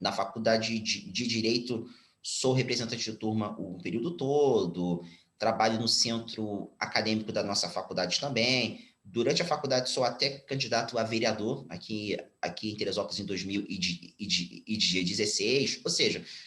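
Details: Stuttering in a 34-year-old man, now mild, in spontaneous speech.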